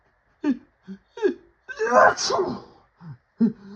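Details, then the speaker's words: Several catching breaths and hitches building up from a nose tickle, then one loud, drawn-out sneeze with a brief sound afterward; sneezing fit with buildup. "Oh my gosh. I got a tickle in my nose. It's not seeming to come out."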